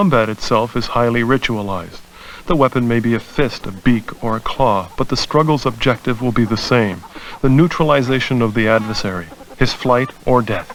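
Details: Adult male narrator; normal speech.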